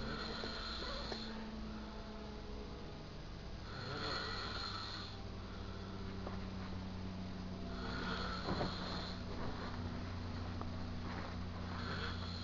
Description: He was snoring loud at 3 in the morning, so I messed with him.